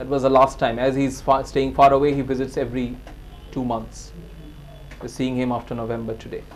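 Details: Adult male speaker; normal speech.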